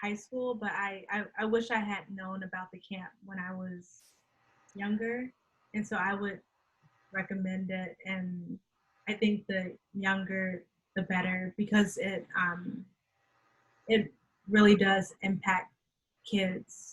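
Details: Adult woman who stutters and says she can hide her stuttering well; real stuttering in a conversational interview.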